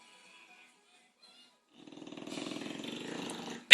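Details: Female bulldog in deep sleep snoring: after a quiet start, a fluttering, rattling breath sound sets in while her owner calls her to wake up.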